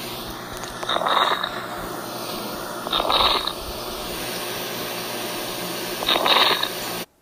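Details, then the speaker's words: Dry crackles: three breaths, about 19 a minute, each with a burst of rough, fairly high-pitched inspiratory crackling, described as subtle, like a balloon trying to inflate, arising in the alveoli, in a chest auscultation teaching demonstration. "si logran escucharlos el sonido aparenta como un globo tratando de inflarse no sea así así si lo podemos identificar es son sonidos muy sutiles y estos se pueden encontrar específicamente en los alveolos"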